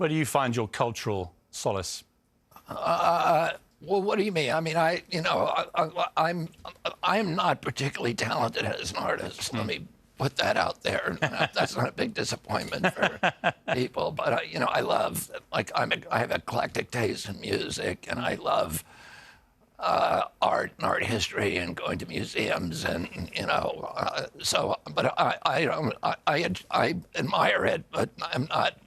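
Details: Adult man with spasmodic dystonia, a neurological disorder that began at age 42 after a 1996 injury. His vocal cords are uninjured. Surgery in Kyoto about eight months earlier made his voice more reliable; he is now doing alternative therapies.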